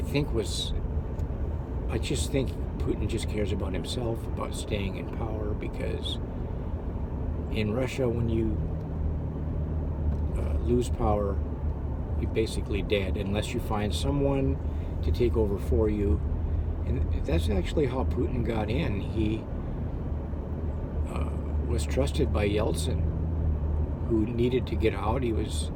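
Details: Adult man who had severe stuttering that still crops up, with stammering and hesitations; stuttering.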